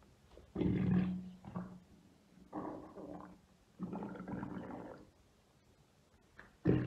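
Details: Adult woman's abdomen, ASMR recording of deep tummy and belly rumbles: four deep, gurgling rumbles with quiet gaps, some with a low humming tone; ordinary bowel sounds (borborygmi).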